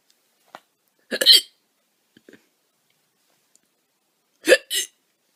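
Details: Young woman with loud hiccups: two loud, abrupt hiccups, each with a sharp catch of voice, about three seconds apart.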